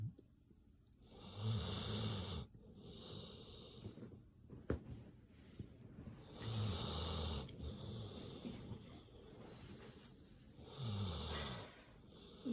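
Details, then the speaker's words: A sleeping dog, said to be entering REM sleep, snores in rough, rattling bursts about every four to five seconds, with quieter breathing between. "Relaxing sounds of sleep. Doggy snoring is sleep inducing."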